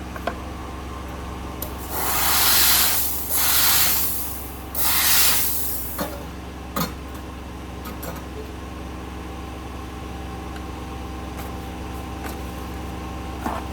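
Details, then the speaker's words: Bursts of loud hissing steam over low room hum with scattered clicks: a steam cleaner in a dental lab, used before quality-checking an Emax onlay on a 3D-printed solid model. "Okay, I'm just gonna steam first so the red part doesn't go in the model and stain the model."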